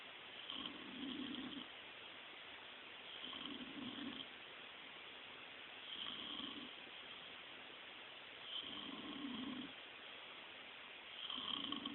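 Soft, regular low snoring sounds roughly every 2.5 seconds, about 24 per minute, over steady room hiss.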